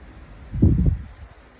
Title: 05/06/24 - snore